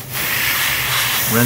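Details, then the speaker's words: Dental water-air rinse spray on a dog's teeth after applying purple disclosing solution during a veterinary canine teeth cleaning; steady hissing spray of water and air. "I really really like the disposing solution so once we put the the purple stuff on we're going to uh rinse"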